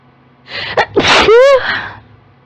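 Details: Female with allergies in a huge sneezing fit, triggered on turning on a desktop computer: quick gasping inhalations build into one forceful, voiced, largely uncovered sneeze, part of the allergic fit.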